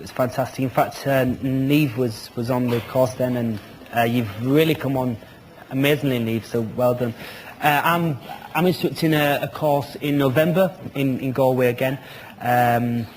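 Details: Real stuttering (stammering) in an adult man who is a McGuire Programme graduate and instructor, speaking in a televised interview.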